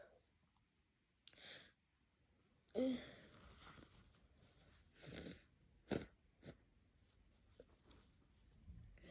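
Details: Several abrupt, noisy bursts of sneezing and nose blowing, with quieter breathing between them in a small room: sneezing and nose blowing.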